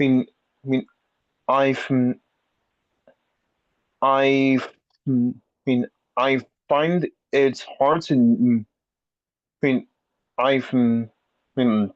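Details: Person who stutters speaking in a peer support session, with repetitions and restarts; stuttering.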